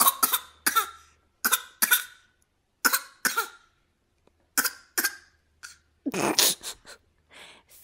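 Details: An infant deliberately gives a run of short, voluntary fake coughs, then a brief squeal and vocal sounds.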